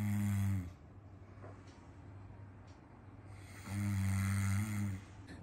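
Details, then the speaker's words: Two loud, low, rattling snores with a quiet pause between them from a sleeping adult man; ordinary snoring. "लेकिन आपको पीछे आवाज आ रही होगी। बस दो मिनट का मौन रखिए। खर्राटे लेके सो रहा है।"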